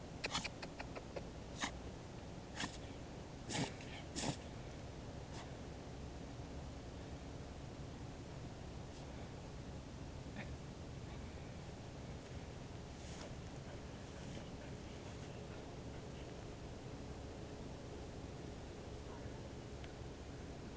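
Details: An English bull terrier gives several short, sharp sneezes in the first few seconds, then the room goes quiet.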